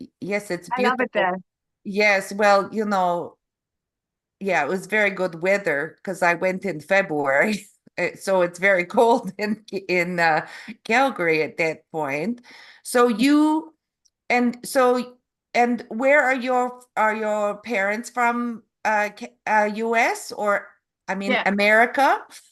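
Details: Adult Canadian woman with aphasia and apraxia of speech after a stroke in November 2023; foreign accent syndrome began after a further hospital episode in February, an accent she calls Eastern European; foreign accent syndrome with aphasia and apraxia of speech.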